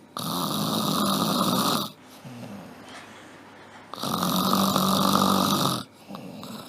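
Two long, loud, rattling snores on the in-breath, separated by quieter pauses. Acted snoring performed for a comedy sketch, with faint room noise between.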